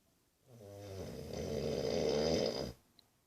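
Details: 19-year-old brother snoring asleep: one long, loud, rattling snore on an in-breath, rising then cutting off; snoring.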